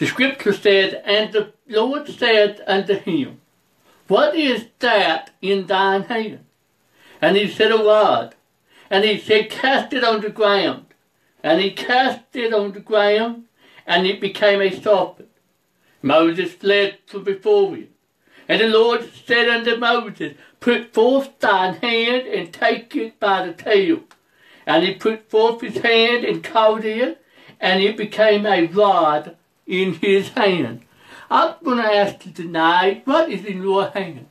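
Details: Preacher who says he has a speech impediment, along with other disabilities including trouble seeing and hearing and being unable to drive; speech impediment.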